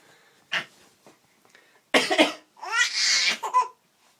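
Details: Father coughing and sneezing, heard as a few short, harsh adult coughs, while his 5-month-old baby laughs brightly; cough.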